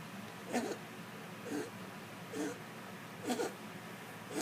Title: My cat coughs up a hairball and eats it.